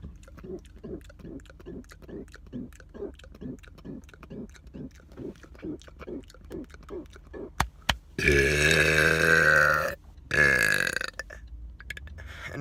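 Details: Man deliberately burping in a car: a fast run of short, low croaking burps, then a long, loud, drawn-out belch and a second shorter one.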